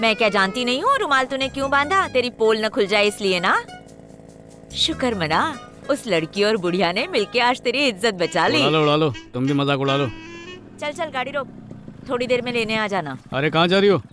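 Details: Adult film dialogue, dubbed; normal speech.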